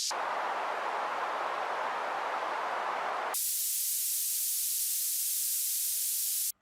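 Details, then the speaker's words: BeHear app tinnitus masking noise as sharpness/frequency is adjusted via the grid: steady hissing that abruptly shifts from a lower, fuller rush to a thin, high hiss. "To change the sharpness and/or the frequency of the masking noise, place and hold your finger on a square in the grid for approximately 2 seconds. The masking noise will be adjusted immediately."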